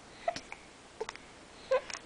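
Three brief, abrupt voiced catches about every 0.7 seconds in a quiet room, consistent with hiccups.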